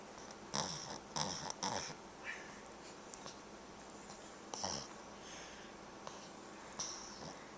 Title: Snoring Dog!!!!